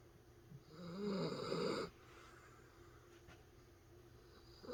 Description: Senior dachshund Grace asleep with eyes open and snoring.